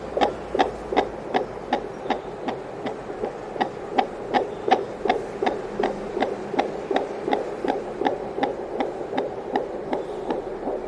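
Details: Fetal heartbeat heard on an 802 fetal Doppler: fast, regular whooshing pulses, roughly 160 beats a minute.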